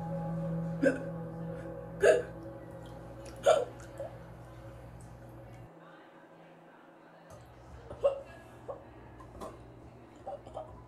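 Sharp, abrupt little gulping catches repeat irregularly, roughly forty a minute, over a steady low hum: hiccups.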